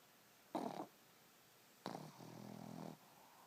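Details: Sleeping Boston Terrier, dreaming and snoring: two rough snorting breaths, the second a longer vibrating inhalation.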